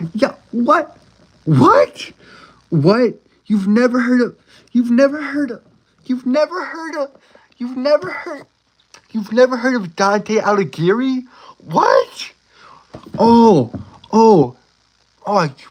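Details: Adult male with a self-described speech impediment, a stutter; stuttering.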